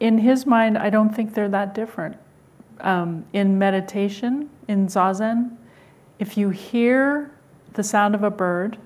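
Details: Adult woman speaking; normal speech.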